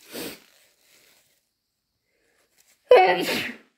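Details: Induced sneezing in the morning with possible hay fever (itchy, watery eyes and itchy ears, sensitive nose): a soft, breathy sneeze, a pause, then a loud, wet sneeze, ending snotty and stuffy.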